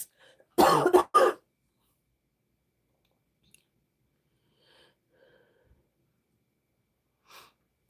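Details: In an adult woman with bronchitis who is taking amoxicillin and using an inhaler, a quick run of three loud, harsh coughs is followed by near silence with faint room sounds; a chest cough from bronchitis.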